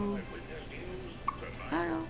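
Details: Hiccups in a 1-day-old newborn boy after feeding, heard as short repeated hiccup sounds; hiccups.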